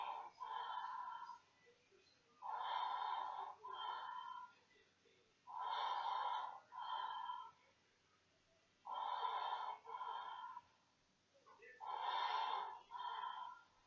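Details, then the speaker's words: Intubated NICU baby's ventilator-driven breath sounds heard through the SonarMed AirWave endotracheal tube monitor microphone: regular rhythmic breaths, about 19 a minute, used to check the tube's position and airflow. "We talked about before that you can hear the breath sounds using the SonarMed airwave, and that can be also very powerful and a very powerful tool."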